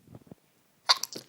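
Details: Adult whose nose is tickling and itching, announcing the sneeze: a short intake of breath, then a single sharp, explosive sneeze.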